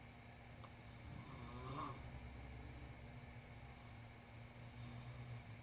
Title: This Must Be Oreo The Cat Snoring